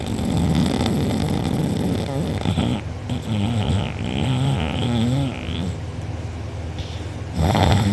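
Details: Snoring from a sleeper who was out cold, recorded by a family member; mouth open and drooling, with a sore uvula and soft palate afterward. Loud, rough, fluttering, sustained snoring with rattling vibration on each breath.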